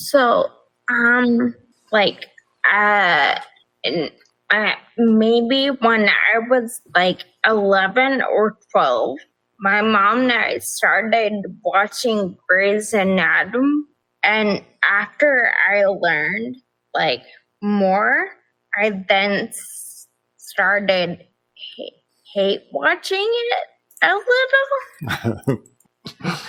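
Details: Ataxic dysarthria in an adult woman with progressive, type-undiagnosed ataxia despite many genetic tests, onset at age 26, affecting balance, speech and nerves with nerve pain; primarily a wheelchair user; also severe anxiety and depression.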